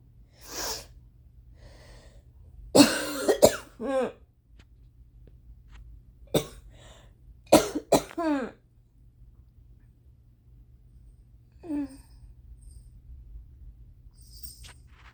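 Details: Extremely violent, mostly uncovered coughing fit at 4:30 AM after a sleepless night, attributed to rain-triggered allergies: forceful cough clusters with quiet gaps and strained breaths, gagging, nearly vomiting; quiet room.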